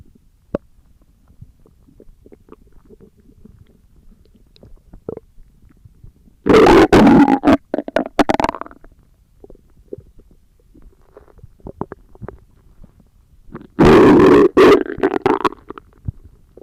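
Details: Stomach growling: two loud gurgling, rumbling bursts over a quiet background with scattered small clicks; ordinary bowel sounds (borborygmi).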